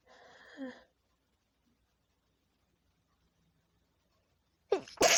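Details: Woman sneezing at night with a tickling nose: a short sneeze-like burst, silence, then a sharp two-part explosive sneeze; poor audio quality, stitched clips; sneezing.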